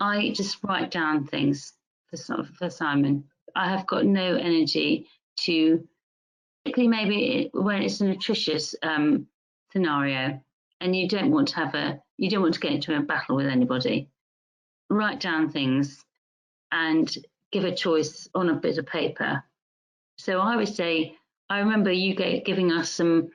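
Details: Adult woman music teacher with mixed-type primary progressive aphasia, with word-finding difficulty, grammatical errors and trouble with words of three or more syllables; speech garbled and repetitive; primary progressive aphasia (mixed type).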